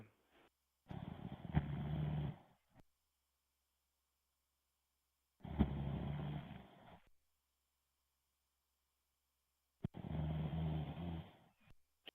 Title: Snoring on Xbox Live.